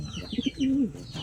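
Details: Breeder pigeon, previously silent and seemingly hoarse, after treatment for hoarseness following an earlier course of medicine that had not helped; strong cooing again: normal pigeon cooing.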